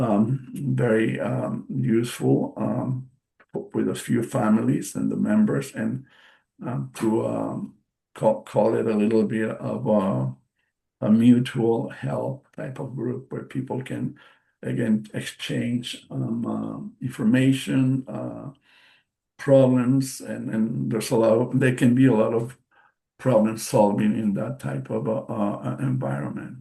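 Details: Adult male stroke survivor with post-stroke aphasia (stroke March 2020), non-native English speaker giving a presentation, with hesitations, fillers and word repetitions; finding: aphasia.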